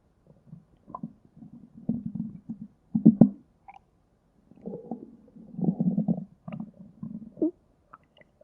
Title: Stomach Growling V4